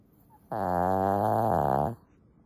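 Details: Snoring from Lacey, a sleeping Shih Tzu dog: one loud, drawn-out buzzing snore lasting about a second and a half; she snores loudly, especially in the middle of the night.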